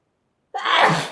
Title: Chinkini Sneeze - a bit of a wet one...